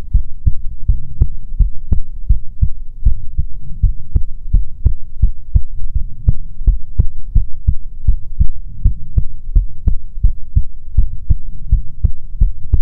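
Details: Steady low thumping, roughly 86 beats a minute, over a soft hum, in an ASMR heartbeat recording meant to be soothing; heartbeat.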